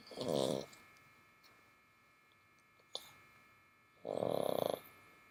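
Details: Two long, rough, fluttering snores about four seconds apart, with quiet breathing between, recorded with the ear close to a sleeping dog in bed; ordinary snoring.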